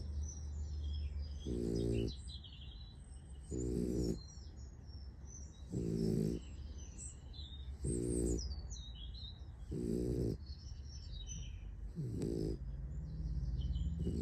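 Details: Sleeping puppy snoring: short rhythmic snores about every two seconds, roughly 30 a minute, over steady low background hum and faint birdsong; snoring.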